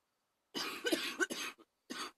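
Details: Person with bronchitis having rough coughing fits: a short run of harsh, breathy coughs in several quick bursts, then a pause and one final cough.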